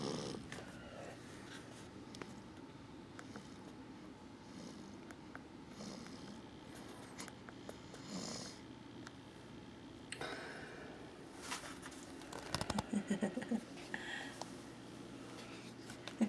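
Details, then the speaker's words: 4-week-old infant snoring in bed at about 2am: soft, steady low rumbling snore with faint rustling in a quiet room. "This is you at 4 weeks old, snoring in your bed with your monkey lying on top of you, and your elephant and your turtle."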